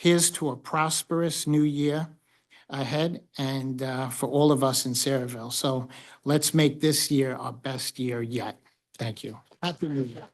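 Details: Adult male speaker; Normal speech.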